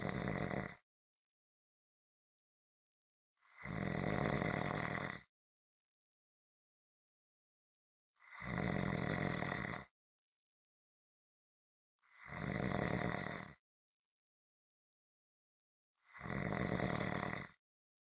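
Regular rough snores about every 4 seconds, near 15 a minute, separated by quiet pauses. Steady, rhythmic snoring.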